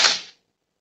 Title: hiccup 23 1 24